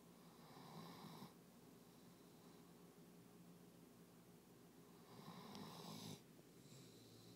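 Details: Two soft rattling snores about five seconds apart over steady room hum from a dog exhausted after a day of obedience competition; snoring.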